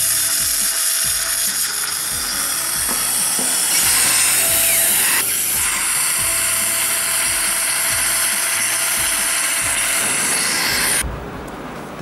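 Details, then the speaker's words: Steady high whirring with rapid ratcheting clicks, ending abruptly, as an elongated implant driver seats an implant, 15 mm long, through a surgical guide master cylinder; guided flapless All-on-4 on a maxilla model: dental implant placement. "is the implant driver it's elongated with the lint and you have four markings here it depends on the implant LED that you're going to place and it is in coordinates with the master cylinder being placed in the surgical guide"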